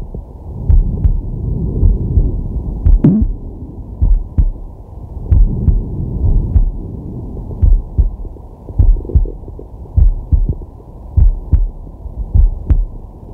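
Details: Male, relaxing at rest, digital stethoscope on the chest: slow, steady two-part heartbeat about 50 a minute with soft breathing rising and falling; normal heart sounds.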